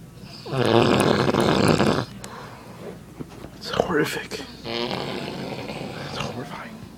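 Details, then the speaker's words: A dad snoring very loudly at night, keeping others awake: loud, rough, rattling snores on the in-breath, then quieter breathing and another snore; heavy snoring. "dad is snoring very loud. I mean, really, really loud. Nobody can sleep at this time."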